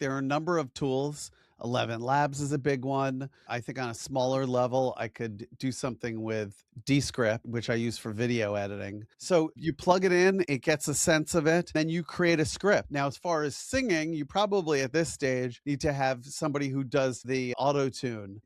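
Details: Adult man speaking; normal speech.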